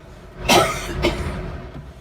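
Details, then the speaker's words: Two short, harsh coughs from adult COVID-19 confirmed patients, unmasked and talking, in a quiet four-bed ward of Daegu Medical Center, an infectious-disease hospital; cough. "4명이 사용하는 다인실인데 환자들이 마스크도 쓰지 않은 채 서로 대화를 하고 기침까지 합니다."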